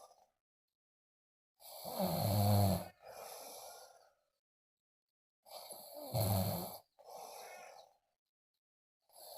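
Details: Person snoring loudly: rough snores on inhalation, each followed by a softer exhale, about every four seconds, roughly 15 breaths a minute.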